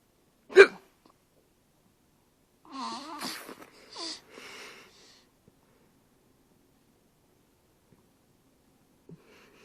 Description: I had the hiccups recording this, then when i yawned, a loud hiccup came and woke her up!